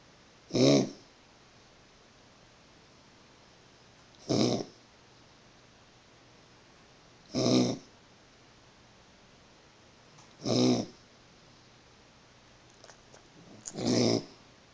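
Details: Four-month-old puppy with kennel cough coughing in his sleep: five short, harsh, dry bursts at steady intervals; little can be done except wait it out.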